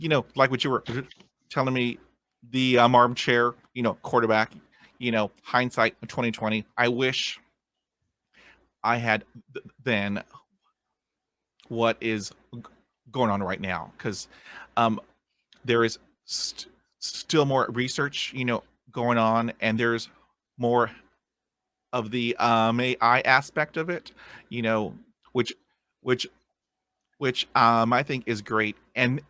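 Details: Man of about 50 who has stuttered since a dog attack with head injury at age five; initially severe, speech therapy in the 1970s, uses tapping and accents to get through blocks; stuttering.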